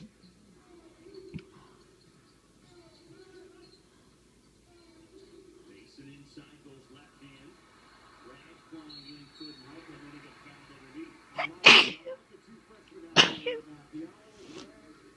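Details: Quiet room, then a sharp sneeze followed shortly by a forceful cough burst; sneezing triggers coughing in a person whose head cold turned into a persistent chest cold.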